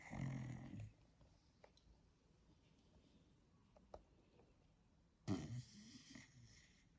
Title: Cute dog snoring while sleeping 💤